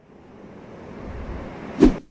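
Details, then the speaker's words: Simulated shoreline nature sound, one of six ocean-wave options in a hearing aid's tinnitus sound-enrichment feature; soft rushing surf builds and breaks once, used as a tinnitus masker. "रीसाउंड में प्रकृति की ध्वनियों का चयन होता है, जो फिर से, विभिन्न प्रकार की समुद्री लहरें हैं।"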